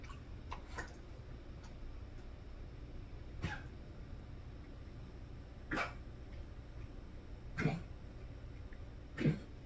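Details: A dog (Billie Jean) gives four short, separate coughs spaced a few seconds apart over a steady hum; coughing around drinking, in a dog also having a focal seizure.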